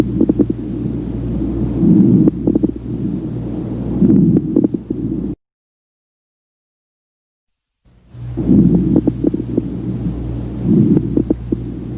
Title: COARSE CRACKLES - RIGHT LOWER LOBE | BREATH SOUNDS | AUSCULTATION